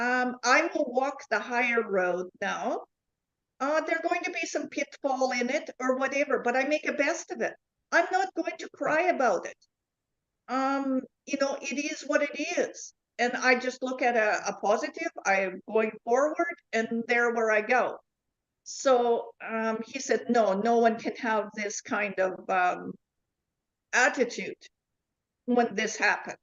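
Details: Adult woman with foreign accent syndrome since 2010; foreign accent syndrome.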